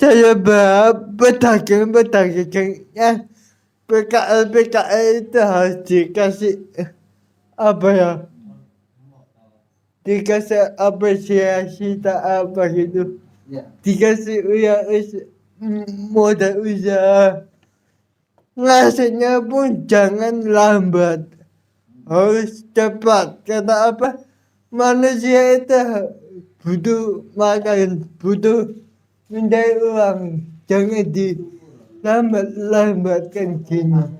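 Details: Adult with cerebral palsy, real speech: dysarthric speech in cerebral palsy.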